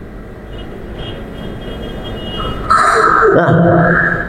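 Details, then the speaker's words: Child with obstructive sleep apnoea who snores, stops breathing while trying to breathe, then gasps, pulling in breath as hard as possible. "ini dia dari tadi itu berusaha bernafas begitu, tapi ee otaknya menyampaikan bahwa ini enggak ada oksigen. Dan pada saat dia di titik tertentu dia akan mencoba mencari mencari nafas. Dia coba tarik nafas sekeras mungkin gitu."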